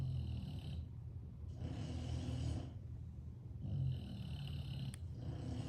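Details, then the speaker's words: Snoring from two sleeping bulldogs heard on camera in a room. "We just got Mr. Beefy over there snoring away. You hear that? And we got Tater Tot right there snoring. So we got 2 animals snoring on camera."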